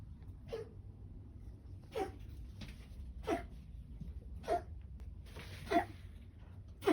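Five short, soft, hoarse coughs from a dog, about one every second or so, with room hum behind.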